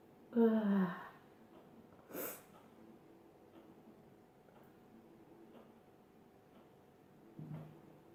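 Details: Sneezing compilation: a voiced 'ah' intake, then a short sharp burst of air (a sneeze), then quiet room noise and a softer exhaled sound.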